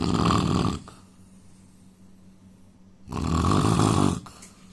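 Two loud, rough, rattling snores separated by a quiet pause of about two seconds; ordinary heavy snoring.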